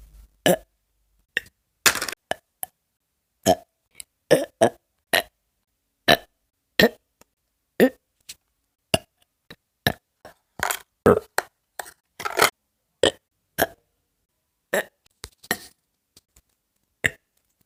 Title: burping I brought a trend to YouTube?